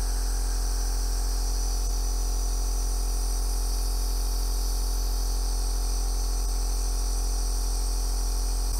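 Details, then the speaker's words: Compressor nebulizer demonstrated on an adult doctor himself, with mask and normal saline 0.9%, breathing normally to slightly deeper. Steady low mechanical hum and buzz with a hissing spray of aerosol. "le now obviously you can start it with the mask already on it's up to you and the aerosol is coming and it tastes a bit salty because it's just normal saline"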